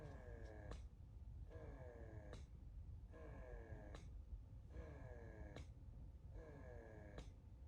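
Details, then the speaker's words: A new mother uses an electric breast pump for the first time because of milk leakage; rhythmic motor whirring cycles end in a click about every 1.6 seconds, and milk starts coming out. "Okay guys, we are going to try to use the breast pump for the first time guys. This is the first time I'm going to use it. I just washed it, I'm clean. So we are going to start. So I'm gonna turn it on."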